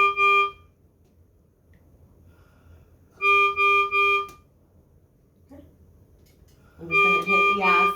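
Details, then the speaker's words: Repeated bursts of loud, high-pitched alarm beeps with pauses, from a Servo-U ventilator started in volume control with no circuit or patient connected. "We'll give it a second. It's going to alarm."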